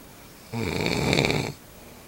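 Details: Single loud, buzzing, rattling snore lasting about one second, against a quiet room; snoring.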